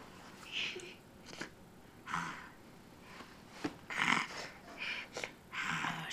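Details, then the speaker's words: Young child who fell asleep in her high chair in the middle of dinner, snoring: irregular rough, snorting breaths, about seven in six seconds. "snoring a lot wow she's you're snoring H oh my gosh you're still awake you tricked me again silly"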